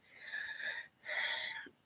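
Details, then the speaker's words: An adult with asthma, who has not used an inhaler for years, gives two long, high-pitched whistling breaths with a brief pause between; asthmatic wheezing. "yes I'm okay I just have asthma so once in a while I just go into a coughing fit uh but I am fine"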